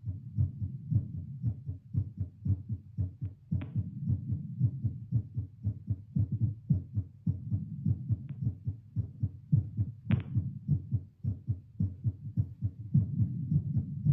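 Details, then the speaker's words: Heartbeat via Littmann CORE stethoscope during 10 squats: rapid regular low thumps near 110 beats a minute, rising from 78 seated to 85 on standing, over 100, peaking 115 near squat six; normal heart sounds, exercise tachycardia. "I like how it sped up really fast. Like, as soon as I stood up, it went up to, like, 85, and then it was quick to go into 100."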